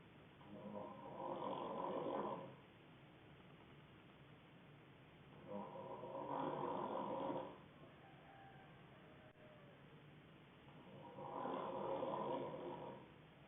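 Three rattling, buzzy snores on breathing in, about 12 breaths a minute, with quiet breathing out between them. Ordinary snoring.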